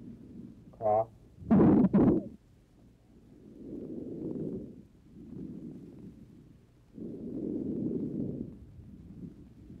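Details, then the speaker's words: Normal breath sounds heard through a stethoscope over the lungs: soft, low, even rustling breaths with no added sounds, in a patient awaiting heart surgery, with no pneumonia; 1955 recording. "patient has no pneumonia, and the breath sounds over the lung are normal."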